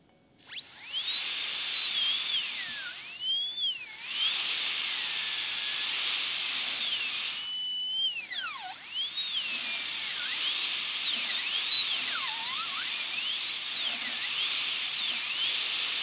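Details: Dental high-speed handpiece during full zirconia crown preparation of tooth #3 (upper first molar), guide cuts on the mesiobuccal cusp: high-pitched whine dipping and rising as it cuts, with brief pauses.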